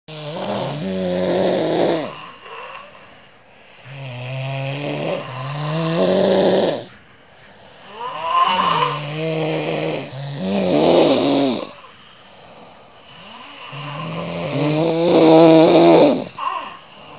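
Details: Snoring with a rhythmic pattern: loud, rumbling, rattling snores on each breath, about 13 breaths a minute.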